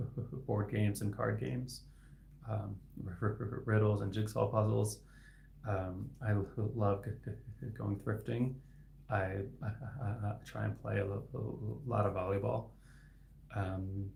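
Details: Adult man, a licensed speech-language pathologist, who has stuttered since about age 8-9; inconsistent stutter with sometimes sound repetitions, sometimes complete blocks; finding: stuttering.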